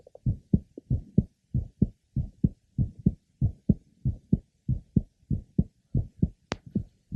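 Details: Woman in last trimester of pregnancy, third left sternal border (also heard at pulmonic and aortic areas): typical grade 2 short midsystolic innocent murmur of pregnancy.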